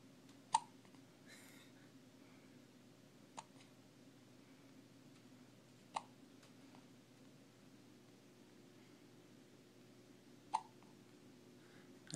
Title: hiccups